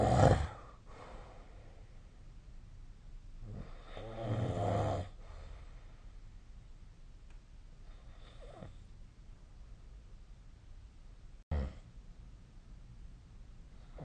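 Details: Sleep snoring recorded 2025/03/07 with the SnoreLab snoring app: irregular, low snorting snores separated by long quiet stretches, with a brief bump near the end.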